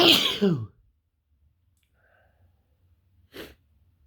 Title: more cold sneezes